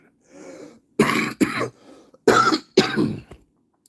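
A soft breath, then four harsh, dry-sounding cough bursts in two pairs from an adult man; cough of pneumonia.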